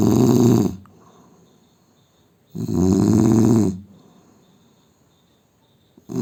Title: Indian man snoring sound